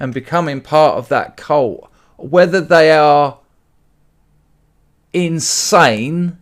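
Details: Adult male speaker; no disorder.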